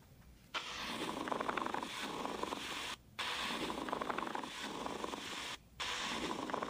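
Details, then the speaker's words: Teaching demo of abnormal lung sounds: a coarse, grating, leather-like creaking through each breath at about 23/min. This is a pleural friction rub from inflamed pleurae rubbing, associated with pleurisy, lung cancer, pneumonia or pleural irritation. "the next sound will be a plural friction rub which is caused by inflamed plura rubbing together and sounds like a grading sound or like leather rubbing together it's most commonly associated with plsy lung cancer pneumonia or plural irritation"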